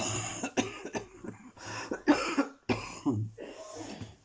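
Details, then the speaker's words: Adult husband coughing in the background, worse when lying down, with suspected bronchitis and flu: a series of harsh, repeated cough bursts over about four seconds. "on entend mon mari à l'arrière qui tousse on prend le relais donc en fait on dort chacun séparés tellement c'est insupportable"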